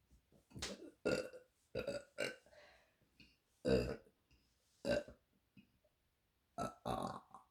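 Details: Woman ("queen of burps") burping deliberately: about eight loud, voiced belches in a row, some long and drawn out, with quiet gaps between.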